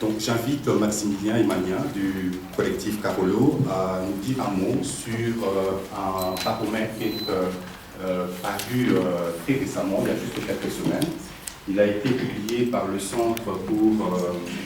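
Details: Adult man speaking French; normal voice.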